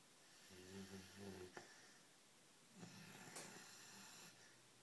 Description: English Mastiff Puppy Snoring as Chihuahua tries to sleep next to him.